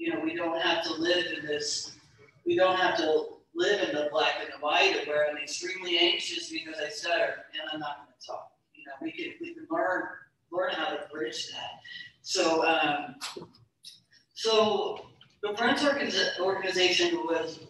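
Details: Stuttering in a woman speaker who stutters; real speech.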